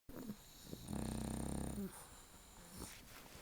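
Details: Snoring from a sleeping dog: a loud, low, fluttering snore lasting about a second, with softer snuffling breaths around it.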